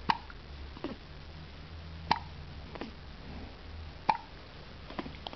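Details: Baby with hiccups after eating fast and guzzling down a feed: three sharp, brief gulping hiccups about two seconds apart with soft quieter sounds between, in a quiet room.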